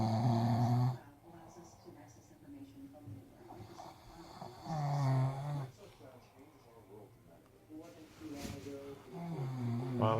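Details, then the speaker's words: Male nicknamed "the snore boy", tired and asleep after roaming the streets for about an hour, snoring: loud, rough, low-pitched breathing noises, about 13 per minute. "you know warm set up snoring almost I called him the snore boy you"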